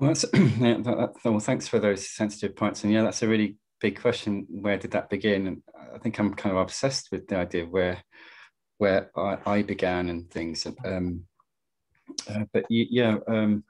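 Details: Stammering in an adult male poet who stammers, speaking in a webinar of the British Stammering Association (STAMMA).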